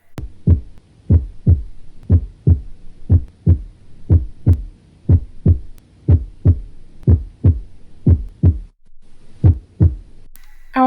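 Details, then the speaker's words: Steady lub-dub heart sounds at about 60 a minute recorded through a stethoscope, with a clear first heart sound (S1) opening each beat; normal heart sounds. "a continuación se harán escuchar los sonidos cardíacos tomados en un estetoscopio"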